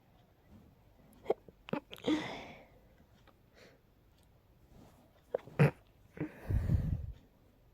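Several short, sharp sneezes in two clusters, each followed by a brief snuffle; repeated sneezing.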